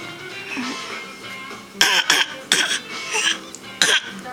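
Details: A young girl who is not sick gives about four short, deliberate imitation coughs (a voluntary fake cough) over background music.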